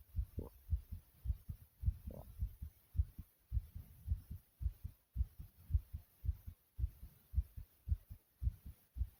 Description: My heart is beating rapidly after some exercising.